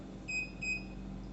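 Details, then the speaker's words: Two short high-pitched beeps from a ZY-5AW oxygen concentrator as the minus key is pressed and held to quickly reduce the timer, which is set in 10-minute steps up to 8 hours. "To reduce the timing, press the minus key. To rapidly reduce the timer, press and hold the"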